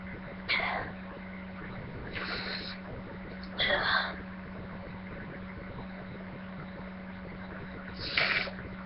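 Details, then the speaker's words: Person feeling very sneezy and reluctant to sneeze: four short, sharp bursts of air over a steady background hum, a run of sneezes. "guys, I'm gonna sneeze, like usual. It's just like, blah. Just Feels really weird."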